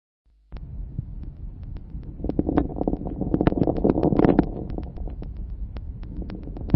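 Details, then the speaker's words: Many fine crackles that grow in number and intensity toward the end of inspiration, heard better with low-rate, large-tidal-volume breathing; late inspiratory crackles, seen in alveolar disease. "Ils sont nombreux, il s'agit de crépitants fins, ils augmentent en nombre et en intensité à la fin d'inspiration. Ce caractère est mieux perçu lors d'une ventilation à faible fréquence et grand volume courant. Il s'observe dans les pathologies de l'alvéole."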